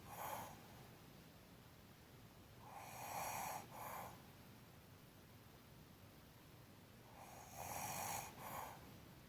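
Soft, airy, rasping snores about every four seconds, around fourteen a minute, over steady room hiss; open-mouth snoring.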